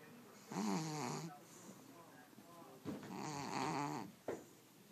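Two soft, buzzing snores with quiet breathing between them. A cat is snoring in its sleep.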